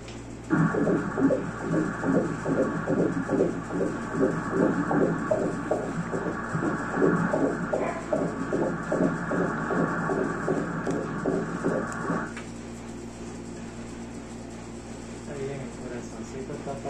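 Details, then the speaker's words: Rapid, regular whooshing fetal heartbeat, about 150 beats a minute, heard during an ultrasound scan, beating strong and healthy with no problems. "está palpitando fuerte, sano, sin ningún problema."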